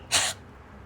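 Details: Person with postnasal drip demonstrating a huff cough instead of harmful throat clearing: a single short, breathy, forceful puff of air that flicks mucus up.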